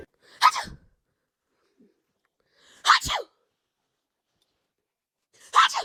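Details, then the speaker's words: Person deliberately fake-sneezing at a dog: three sharp, forceful 'achoo' bursts a few seconds apart in a quiet room. "Achoo! Pretending to sneeze on my dog. Fake sneeze at your dog."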